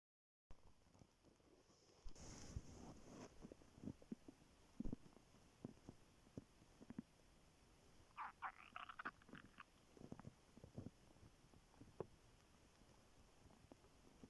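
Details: Morning on waking, very hungry: quiet low rumbles and a brief burst of bubbling gurgles from the stomach; hunger growling (borborygmi), normal bowel sound.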